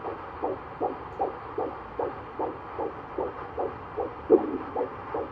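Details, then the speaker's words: Fetal heartbeat on the doctor's Doppler at a 7-month prenatal visit, first pregnancy: rapid, regular whooshing at about 150 a minute with a brief louder thump from a small fetal movement; fetal heartbeat with fetal movement. "Running about 150 today. Not 70. There we go. Little movement right there."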